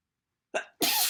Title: Congestion, sniffling, sneezing bad cold.